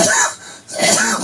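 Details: Two harsh, dry, unvoiced cough bursts in quick succession with no wet sound, in an adult with cancer since 2004 on Alimta chemotherapy and voice loss since June 2008; painless, non-productive, about 15 coughs per bout, 50 bouts daily: chronic dry cough.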